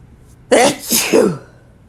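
A single forceful, wet sneeze with a brief catch before it, in a quiet room.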